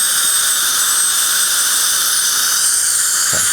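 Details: Continuous high-pitched whine of a high-speed dental handpiece with water hiss, diamond bur adjusting the bite on porcelain inlays, onlays and crowns, at the marginal ridge.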